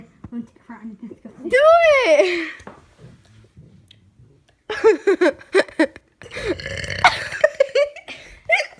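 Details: A loud, drawn-out voiced burp from a friend, followed by laughter and excited talk from others nearby; burping.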